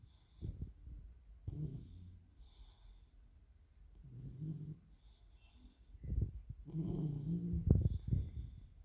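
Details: Sleeping Labrador puppy snoring: rough, rattling snores on each breath, several cycles with a snorting edge.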